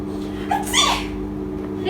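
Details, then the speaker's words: A young girl's single quick sneeze over a steady background hum; afterwards an adult scolds her for not sneezing into a tissue or mask and gives her a tissue. "يا شيلي عطاسي في يا بنت المنديل. يا بنت المفروض بنعطس في المنديل. يا بنتي حرام عليكي غرقتينا."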